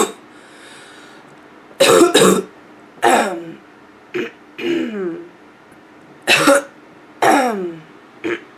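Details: Female with nonstop barking cough: repeated harsh, hoarse cough bursts, some in pairs, with throat clearing near the end; barking cough.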